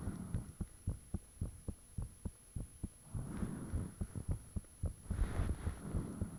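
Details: Self-recorded own heartbeat with fan off, taken shortly after heart began feeling unusually thumpy; regular clear thumps about 110 a minute, faint hum, later rustling. Heartbeat.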